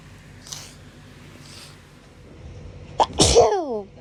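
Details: A sharp inhalation followed by a loud voiced sneeze burst, with faint earlier breaths; a hay fever sneeze filmed within a 3–4 day span.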